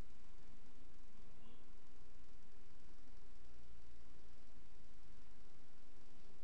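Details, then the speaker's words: Soft, low heart sounds with paradoxical splitting of the second heart sound: S2 is single on inspiration and splits on expiration, demonstrated during teaching on abnormal cardiac auscultation. "en inspiración disminuye el retorno y el componente pulmonar hacia adelante redu se desdobla paradójicamente entre comillas así aparece muy bien"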